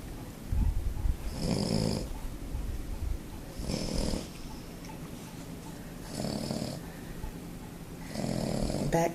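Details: Pug sleeping, four slow rattling inhaled snores about two seconds apart over quiet breathing; snoring.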